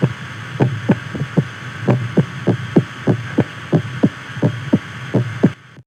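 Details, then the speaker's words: Adult male recording from before a carnivore diet, diagnosed with congestive heart failure, cardiomyopathy and a murmur: rapid, unevenly spaced heart thumps with early beats and pauses over a hum, irregular tachycardia with premature beats. "off, an extra be a beat that was taken away. It wasn't regular like everybody else's."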